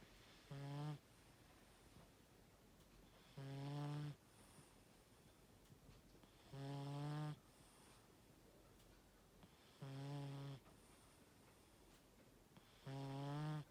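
Low buzzing snores on each in-breath, about 19 a minute, evenly spaced in a quiet room; ordinary snoring.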